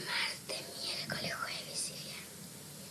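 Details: 10-year-old girl at initial evaluation, functional voice disorder without laryngeal structural change, linked to emotional stress; whispered voice; psychogenic aphonia.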